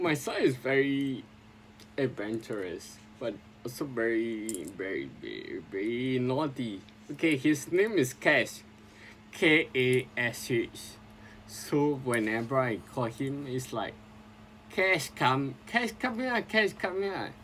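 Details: Adult man with sporadic spinocerebellar ataxia since 2002, recording speech practice as his own speech therapy; ataxic dysarthria.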